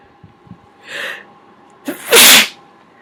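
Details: Held-back sneeze: a soft inward breath, then a single loud hissing burst, one partly stifled sneeze, said to be smaller than usual.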